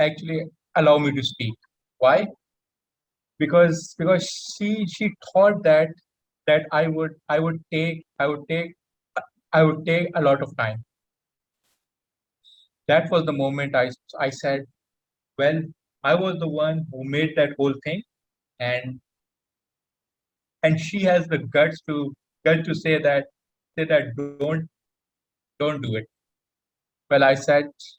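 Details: Adult male panelist who stammers, with repetitions and blocks in speech: stuttering (stammering).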